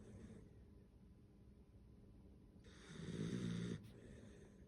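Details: Snoring: low, rumbling breathing with one louder rattling snore on an inhalation against quiet room noise.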